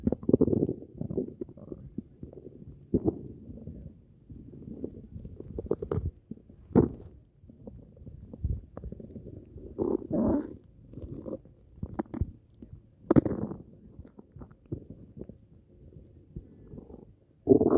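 Irregular low gurgling and rumbling sounds with occasional louder squelches over several seconds: stomach rumbling, with an upset stomach.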